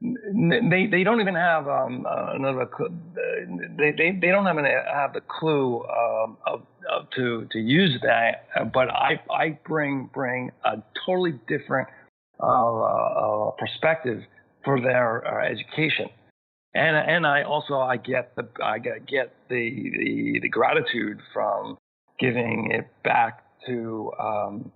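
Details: Adult male with aphasia from a massive stroke at age 41 in 2005, initially global aphasia, still present about 13 years later, needing extra time to process sentences and find the right words; aphasia.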